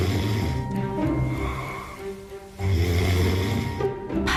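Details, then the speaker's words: Snoring: low, rumbling snore sounds rising and falling beneath background music, in an ENT specialist's health program segment on snoring not being a simple habit. "코골이 인데요 지금 코걸이 에 대해 알아봅니다 코골이 단순한 습관이 아니다"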